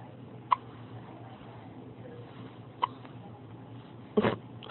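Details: Two-day-old baby boy woken at 4am with his first hiccups since birth: three brief, sharp hiccup sounds a couple of seconds apart over a quiet room hum.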